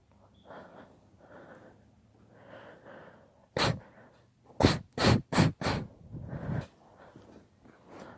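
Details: Induced sneezing fit, part of a long session: build-up breaths, then about five sharp sneezes in quick succession.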